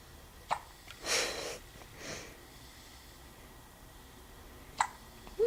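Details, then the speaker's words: Infant: brief, sharp hiccup clicks separated by quiet, with soft breathy sounds between; hiccups noted alongside feeding cues. "Oh, hiccups. Little feeding cues."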